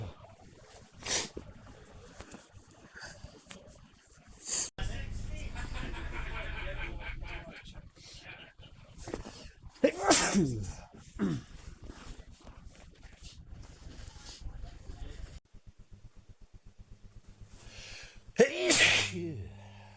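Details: Adult male, not ill and outside allergy season, recorded on a smartwatch: three sharp, explosive ordinary random sneezes spaced through quiet room noise.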